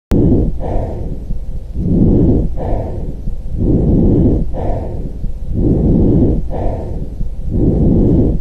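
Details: Normal vesicular breath sounds: soft, low-pitched rustling breaths repeating steadily over the lungs.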